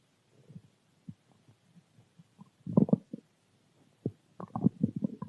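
Irregular low gurgles and rumbling bursts from the belly, ordinary stomach growling from gas and fluid moving through the gut.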